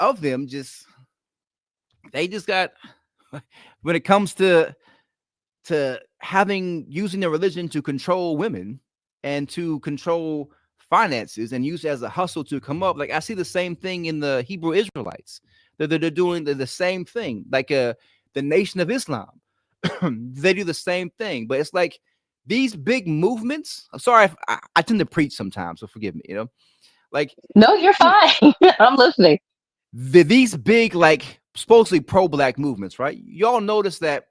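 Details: Adult male author with a lifelong stutter, ten times worse in childhood, worse when excited or relaxed at home; here concentrating to control it; stuttering.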